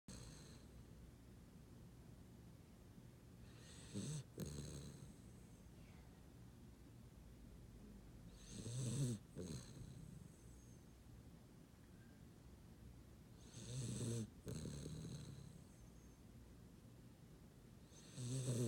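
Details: Sleeping puppy with low, rattling snores at irregular intervals, about four in under twenty seconds, with quiet breathing between; snoring.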